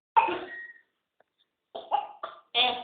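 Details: Child pretending to cough: a series of short, dry, deliberate coughs, one, then a pause, then four quick bursts.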